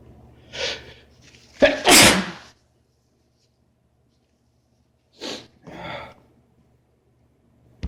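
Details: Adult male having a sneezing fit at work: several forceful explosive sneezes with quick inhalations between, a pause, then two more sneezes.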